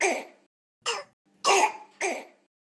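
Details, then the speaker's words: Croup: short, harsh, barking coughs in a row, as with upper airway narrowing from swelling. "it just sound like a very harsh painful cough"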